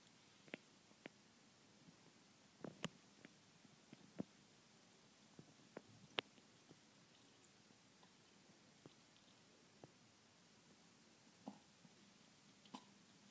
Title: my kitten has hiccups